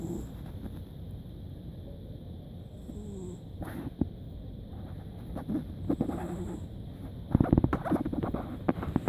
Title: Insomnia Remedy - Snoring Cat 失眠療法- 午睡打鼾貓